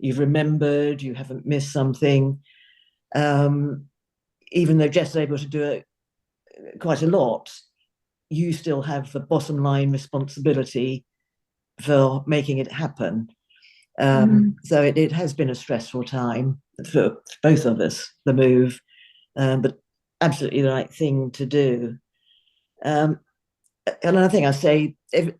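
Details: Adult man speaking; Normal conversational speech.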